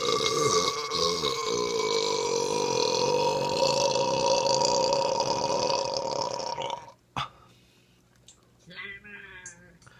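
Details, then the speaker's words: Burping after slamming a cold beer; a long, loud, drawn-out voiced belch of about seven seconds, then near silence and faint room sounds, a Skype call running in the background. "I figured since most of you all like my burps I would slam a beer and do another video so here goes"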